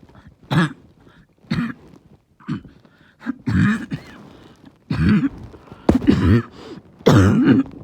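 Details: Barking cough with chest really hurting: about eight repeated harsh, hoarse coughs in quick succession with throat clearing.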